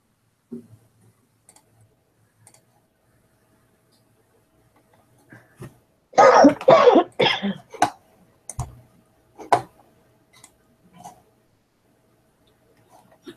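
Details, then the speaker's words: Person coughing during a statistics lesson quiz, apologizing for coughing on mic: a short cluster of about four dry coughs with throat clearing, then a few softer ones, in a quiet room. "turn my mic off if I'm coughing. Oh, okay. Sorry. You guys don't want to hear that."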